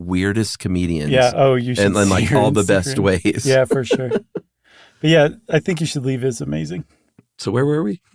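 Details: Imitated Wernicke's aphasia: a male host acts out an example sentence, speaking fluently but without meaning, as comprehension is damaged while speech production is intact.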